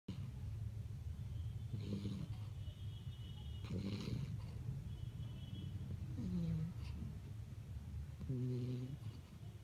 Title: Puppy snoring.